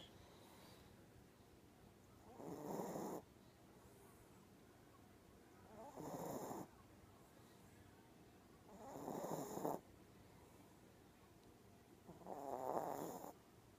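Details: Chihuahua snoring while asleep: short, soft snoring snorts every three seconds or so, about 18 a minute, in a quiet room.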